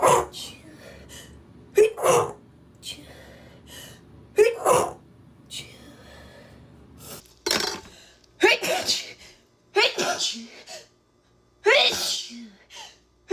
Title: sneeze girl